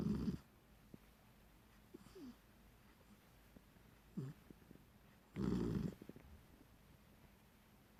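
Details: Rocket, a sleeping Beagle puppy, snoring and dreaming: a few soft snorty snores with faint whimpers and squeaks between them, typical of dreaming sleep; snoring.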